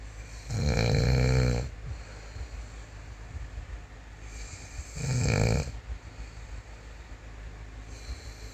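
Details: Man snoring: two loud, low, rattling snores on inhalation, several seconds apart, with quiet breathing between; ordinary heavy snoring.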